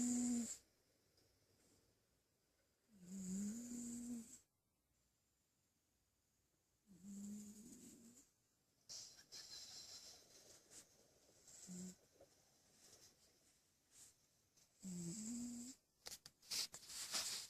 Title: SNORING CAT WHAT A MESS !!!